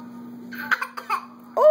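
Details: A 16-month-old boy fake coughing: a few short, light, voiced cough-like bursts and then a vocal sound, a playful voluntary cough rather than an illness cough.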